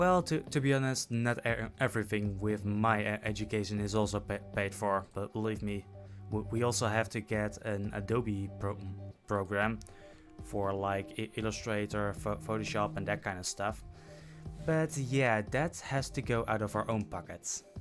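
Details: Adult male who self-reports stuttering, with repeated words and phrases; stuttering.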